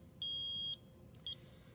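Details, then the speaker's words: Eagle Impact Uni-Vent 754 transport ventilator alarming because its 50 psi line is not connected to an oxygen source; a high, steady electronic beep then a shorter beep over faint room hum. Low oxygen supply alarm. "and it's alarming because the 50 psi line is not currently hooked up to an oxygen source and it can sense that that's kind of a nice feature because if you were to run out of oxygen or forget to hook it up to oxygen it's alarming you telling you there's something wrong"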